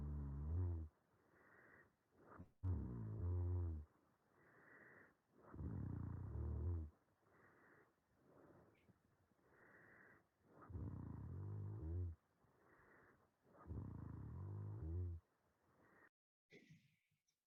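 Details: Overnight respiratory sleep study in a male patient with normal AHI, ODI and mean saturations: five loud, rough inspiratory snores every few seconds, one longer pause, and a sharp snort at the end; loud obstructive snoring.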